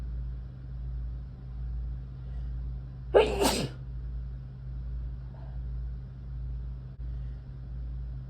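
A single sharp, forceful sneeze burst against steady low background hum.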